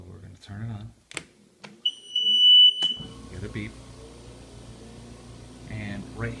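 A single sustained high electronic beep lasting about a second as the oxygen concentrator powers on, followed by its steady running hum.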